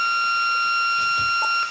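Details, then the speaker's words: Simulated resuscitation training: a corpuls3 defibrillator in AED mode delivers a shock for a rhythm judged shockable. A steady high electronic tone ends in a brief click as the shock is delivered. "Shock has been delivered."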